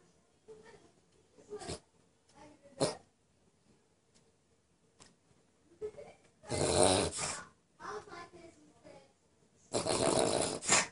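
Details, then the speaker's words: Pug dog: sharp, brief jerky breath sounds with louder noisy snorting bursts between them; hiccups. "Frank what's wrong with you you got the hiccups"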